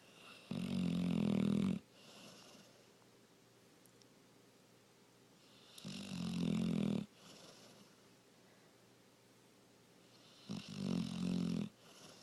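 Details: Dog's fake snoring, a long-standing habit: deliberate snore sounds made while awake rather than in sleep. Three loud, rumbling snore sounds about every five seconds, with quiet pauses between.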